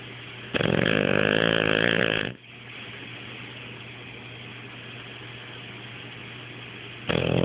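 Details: Pet sleeping with half-open eyes and snoring: a long, loud, rattling snore on the in-breath, then a quiet pause and the start of the next snore, over a steady low hum.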